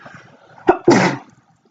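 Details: Single sneeze: a quick in-breath catch followed by one forceful, noisy burst.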